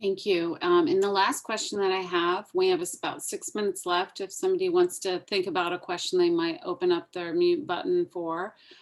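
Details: Adult woman; plain speech.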